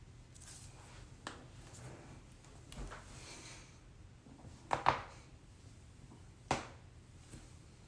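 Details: Spinal adjustment: a few sharp cracking pops over quiet room noise, the loudest a quick double pop; back crack from joint cavitation.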